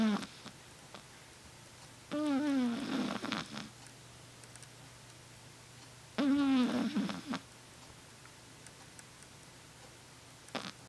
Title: まみやんのいびき２（シーズー犬 Shih tzu）